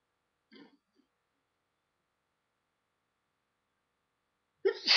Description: after working out in the cold air for some hours, my nose was itchy and running and I decided to help some sneezes out!! lol